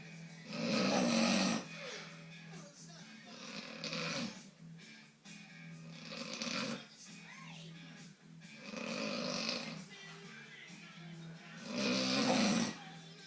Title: And he says he doesnt snore